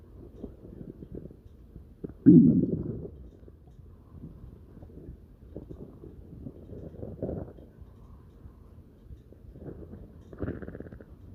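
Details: Dog's stomach growling (borborygmi): low gurgling and rumbling from the belly with one louder growl, ordinary gut sounds.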